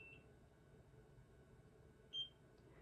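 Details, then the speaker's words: Single short high beep over quiet room noise while an at-home Nira Pro skin laser is held flush against the skin around the eyes on level 2: pulse-complete tone signalling a move to the next spot. "And what you want to do is you want to make sure that you're holding this flush against your skin, and you will hear it beep."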